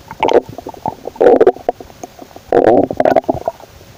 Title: scared about my owen stomach noises 😳😁💓